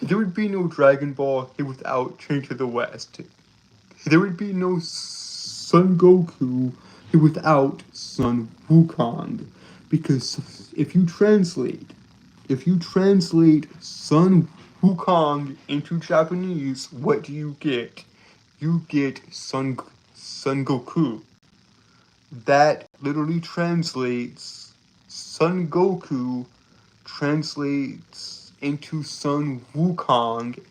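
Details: Male streamer, real speech, who reports a speech impediment that makes him stutter and trip over his words; phrases repeated over and over; stuttering.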